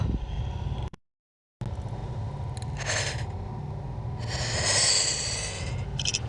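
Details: Single adult sneeze played slowed down: a short breathy intake, then a drawn-out hissing burst of air, over steady background rumble; sneeze.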